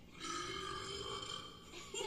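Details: A single drawn-out belch of about two seconds from a cartoon soundtrack, not a real recording; burping.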